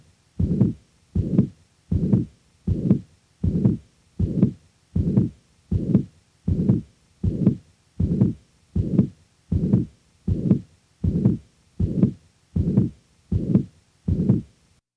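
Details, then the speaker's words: Real patient with mitral regurgitation: a regular heartbeat with a sustained, rather high-frequency blowing murmur filling all of systole from S1 to S2: a pansystolic (holosystolic) murmur. "the next example will demonstrate the actual sounds from a patient with mitral regurgitation in this example note the rather high frequency of the murmur a characteristic commonly encountered in this condition"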